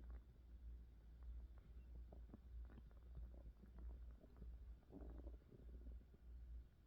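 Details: Stomach noises from an adult woman: rumbling, growling tummy sounds described as hunger pains, recorded as ASMR with the recorder close to her belly; borborygmi.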